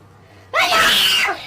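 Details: A single loud, explosive sneeze from a male streamer after a short quiet lead-in, with the voice electronically altered by voice-changer effects such as alien and computer: sneeze.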